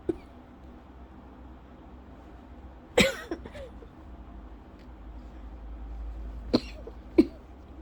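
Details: Persistent post-infectious cough more than a month after illness, with an ongoing scratchy throat and coughing fits up to 30+ minutes about 8 times daily; three sharp, dry coughs with faint throat sounds, a milder fit not triggering asthma cough.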